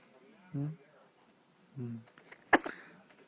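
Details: Infant sneezing, baby possibly hungry: two soft infant vocal sounds, then one sharp, sudden burst of air, a single sneeze.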